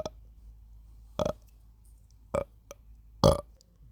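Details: Sleepy burps: three short, throaty belches about a second apart, the last loudest, with quiet between them, over music.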